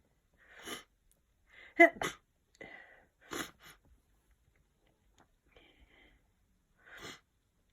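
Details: Sneezing with a sniffly cold of a few days: a run of short, sharp sneezes with sniffly breaths between them in a quiet room.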